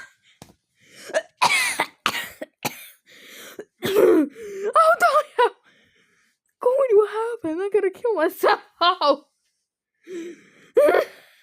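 Several short, sharp cough bursts mixed with laughter and voiced sounds from an adult.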